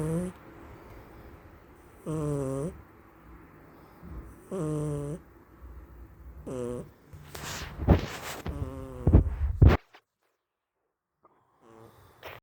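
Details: Sleeping cat snoring: rhythmic rattling snores a few seconds apart, growing louder before going quiet; ordinary sleep snoring.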